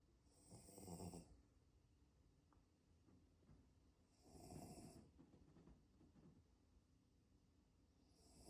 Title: Dogs Snoring 🤭🤭🤭🤭.